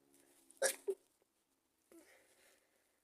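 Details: Induced sneeze: a sharp, explosive sneeze burst with a quick follow-up sound, then quiet breathing.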